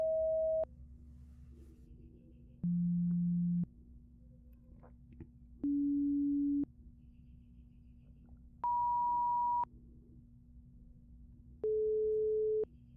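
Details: Simulated hearing-test roleplay: pure tone audiometry with headphones, starting with both ears. Five steady one-second beeps at different pitches, one every three seconds over a faint hum.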